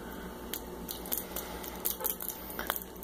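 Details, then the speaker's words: Home TPN setup: a syringe of 5 mL sterile water drawn up to reconstitute a multivitamin is tapped to remove air; several faint, irregular light taps and clicks over room hum. "I want to get all the air out so I just tap it"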